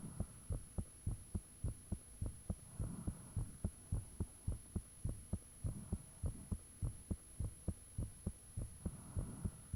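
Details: Self-recorded own heartbeat with fan off, taken shortly after heart began feeling unusually thumpy; strong regular thumps about 100 a minute, steady background hum. Heart sounds.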